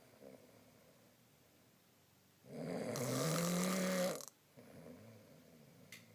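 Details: Adult man (husband) snoring: one long, loud, rattling snore on an in-breath, with quieter breathing before and after.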